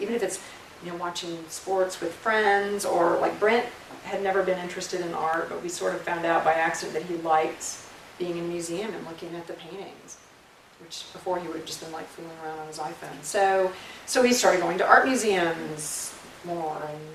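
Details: Adult woman; normal speech.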